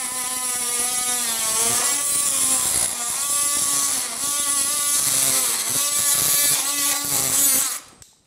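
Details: Powered bone saw, high steady whine shifting pitch as the blade loads, making posterior femoral cuts in total knee replacement while retractors protect the medial and lateral collateral ligaments; surgical bone saw.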